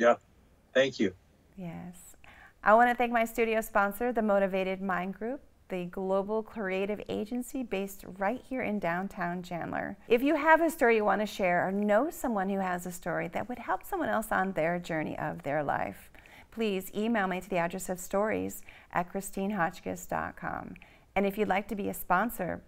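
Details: Adult woman, interview host; normal speech.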